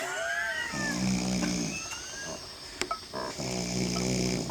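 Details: Man asleep, two low, rattling, buzzy breaths with faint background noise: snoring.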